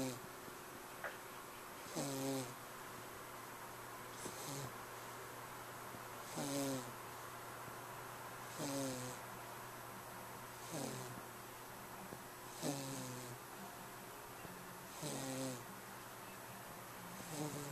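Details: A person snoring, recorded May 9, 2011 on a Flip Video camera: regular snores about every two seconds, each a short rattling breath with a nasal whistle, over a steady background hum.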